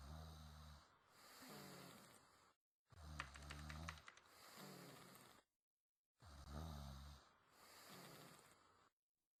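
Slow, rough, low rumbling snores on breathing in and out, with a gurgling, flapping quality, about 19 breaths a minute.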